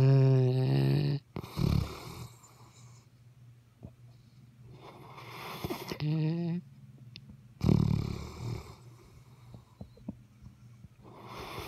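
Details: Memphis, a sleeping dog, snoring loudly: about four rumbling snores, some with a buzzy tonal edge, separated by quiet pauses.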